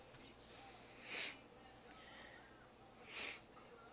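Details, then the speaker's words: Person announcing sneezes before they come: two short, hissing bursts of air about two seconds apart over quiet room noise; sneezing. "I'm gonna sneeze. Oh, wow, that hurt."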